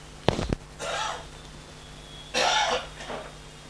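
Two separate bursts of coughing from a distant adult in a quiet room, each a short run of harsh coughs: a cough in two paroxysms.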